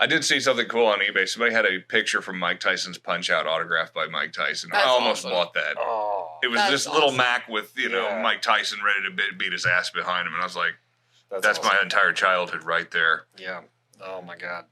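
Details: Adult male speaker; Normal speech.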